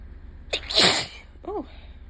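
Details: With itchy allergies, the day after a bad allergy day: one forceful sneeze with a sharp inward catch, then a brief exhaled vocal sound.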